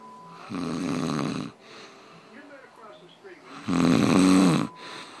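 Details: Snoring in the dark: two loud, rough rattling snores about three seconds apart, with quiet breathing between; ordinary snoring.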